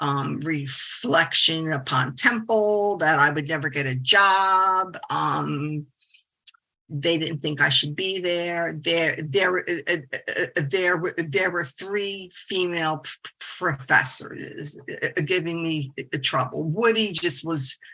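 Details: 68-year-old woman, a speech-language pathologist, with stuttering; stuttering.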